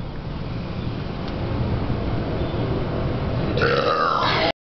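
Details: Dancer in a deliberate burping contest: low rumbling noise ending in a loud, rough voiced belch near the end.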